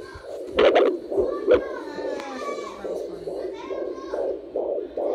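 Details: Home fetal Doppler, baby girl: fast, soft whooshing heartbeat pulses around 140/min, with fetal movement bumps and voices.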